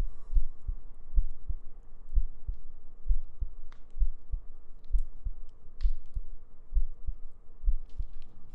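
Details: ASMR sleep-aid recording with a steady, low lub-dub heartbeat at about 66 beats a minute in a regular rhythm, over a faint hum with occasional soft clicks: normal heartbeat.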